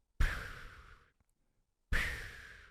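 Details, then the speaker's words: A person imitates her husband's sleep sound, which she believes is obstructive sleep apnea: two harsh, gasping breath bursts with a pause between them. "drives me freaking crazy I know it's sleep apnea I also know that one billion people around the world have obstructive sleep apnea one billion"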